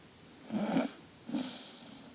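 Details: Snoring from a sleeping Staffordshire bull terrier puppy: two soft, rough sleep breaths, each a brief fluttering snore on the inward breath.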